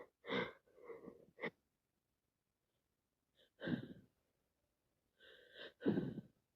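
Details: Sneezing from a cold: three short, wet, voiced bursts with sniffly breaths between them in a quiet room.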